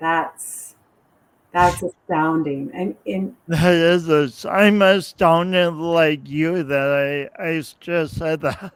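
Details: Man's real speech impediment with coordination differences, self-described; he says years of practice may have made him clearer but the differences persist; speech impediment.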